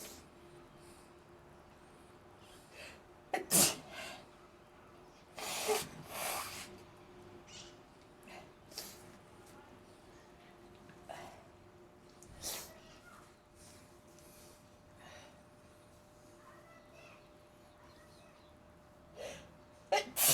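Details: An environmental trigger on the balcony causes nonstop sneezing: several sharp, explosive sneezes spaced across the clip over a steady faint hum and quiet background noise.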